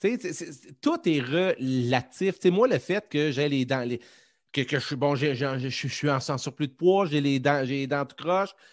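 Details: Adult French-speaking man who says he stutters quite a lot in real life and that it becomes more noticeable as the interview goes on; stuttering.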